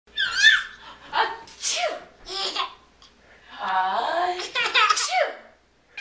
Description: What can I say? Sneezing is funny....